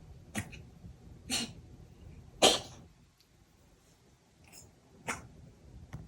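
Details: Several short, sharp, hacking bursts with pauses between them in a quiet room, from a cat coughing for about 30 minutes late at night, recorded to show the vet; owner wonders if its throat hurts; cat cough.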